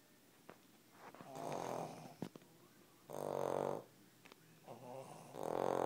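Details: Cavalier King Charles spaniel dogs snoring in sleep; soft, uneven snores roughly one every two seconds, with brief snorts and sniffs between. Snoring.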